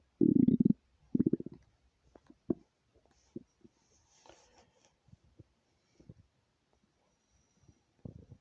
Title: stomach rumbling